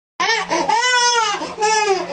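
A baby cries in loud, high-pitched wailing bursts with a steady low hum in the background.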